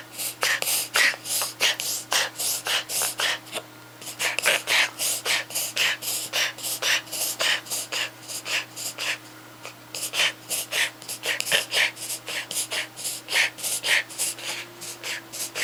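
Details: Suspected reverse sneezing in a dog: rapid runs of harsh snorting inhalations.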